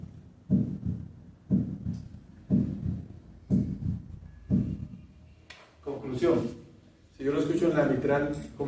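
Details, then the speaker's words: Normal heart sounds at the mitral area (cardiac apex) at 60 beats per minute: S1 single and louder than S2, no splitting, nothing in the short pause. "está Sí se dieron cuenta es1 es más sonoro que s2 no está desdoblado no hay nada en la pequeña pausa"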